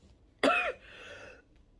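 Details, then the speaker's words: Adult on vacation describing coughing fits all day long: coughing bouts. "Et voilà, vous m'entendez, et c'est ça toute la journée, en fait, je me tape des quintes de tout. C'est terrible."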